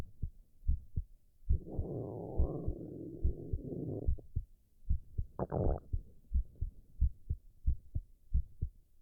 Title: Male's Heart & Loud Stomach Growls While Drinking Tea☕